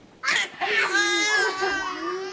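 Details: Infant girl being prompted to talk: brief whiny, voiced fussing cry, steady in pitch and moderately loud, in a small quiet room; ordinary infant fussing.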